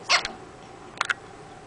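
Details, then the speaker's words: Infant with hiccups: two brief, sharp hiccup sounds about a second apart over quiet room noise. "Say hi to Grandma with your little hiccups. Hey, Grandma. We got the hiccups. Poor little guy."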